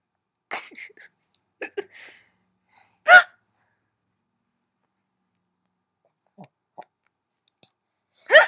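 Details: Short, abrupt gulping hiccups at irregular intervals, separated by long silences; hiccups.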